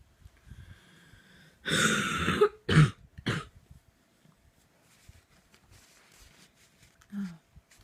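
A harsh, forceful burst of about three coughs in quick succession, then quiet with a short throat sound; a coughing fit.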